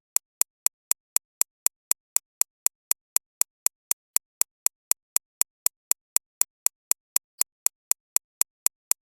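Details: Synthesized tinnitus-relief track recreating extracorporeal shockwave therapy machine impacts, optimized for 6.5–13.5 kHz: sharp, high-pitched clicks repeating very evenly at about 240 per minute; simulated shockwave therapy pulses.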